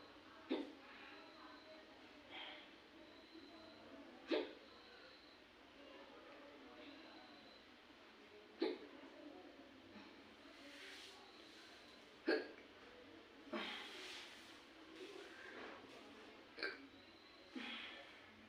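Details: Woman with hiccups: sharp, brief catches at irregular intervals, roughly eight a minute, over quiet room noise, with no other sounds.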